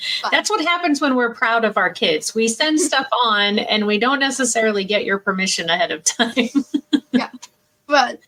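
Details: Adult woman speaking; typical speech.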